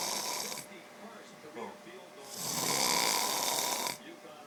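Two loud, harsh, hissing snores separated by quieter breathing: snoring.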